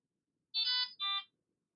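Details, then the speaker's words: Two short high electronic tones from a Fresenius Kabi Amika ambulatory enteral feeding pump as the Stop button is pressed at the end of a feed; normal device signal. "Lorsque l'administration de la nutrition est terminée, appuyez sur le bouton Stop."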